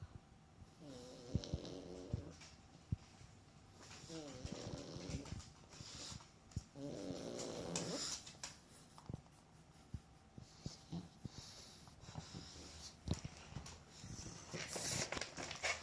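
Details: Sleeping animal snoring: three short, whiny, snorting breaths early, then quieter rustling and clicks.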